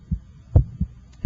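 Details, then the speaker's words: Normal S1 and S2 heard with an electronic stethoscope over the point of maximal impulse (apex) while the radial pulse is felt; S1 coincides with the pulse and is louder at the apex. "the first heart sound and the radial pulse occur simultaneously i can hear your first heart sound"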